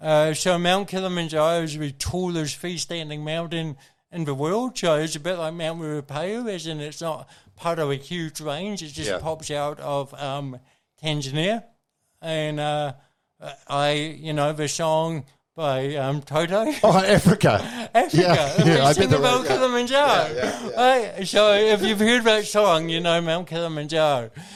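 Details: Adult man with congenital cerebral palsy, a brain injury from oxygen loss at birth, thinking unaffected, has had speech therapy: dysarthria (cerebral palsy).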